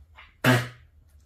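A single harsh, honking cough burst from a dog, typical of kennel cough, an infectious inflammation of the windpipe and airways.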